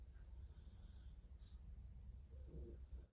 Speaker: you can hear my dog snoring he's a silly